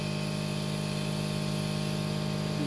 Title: Omron Nebulizer How to use. Omron Nebulizer C102 Total.